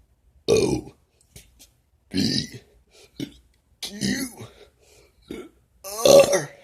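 A run of short voiced burps shaped into separate sounds, like letters spoken while belching, with pauses between them.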